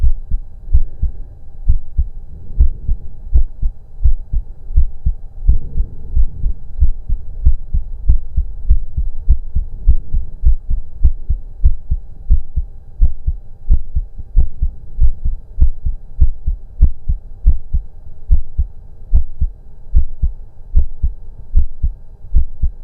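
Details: Auscultation of own heart through a stethoscope during breath-holds: regular, steady heartbeat thumps at roughly 80 a minute with a low steady hum behind; normal heart sounds.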